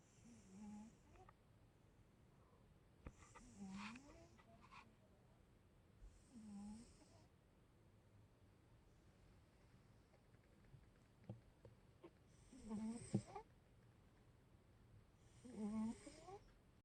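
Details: Soft, rhythmic snores from a sleeping cat, five in about seventeen seconds, each with a low buzzy rattle and a faint hiss; cat snoring.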